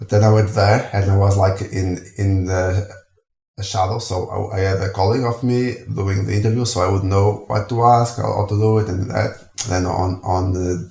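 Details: Adult speaker; stuttering.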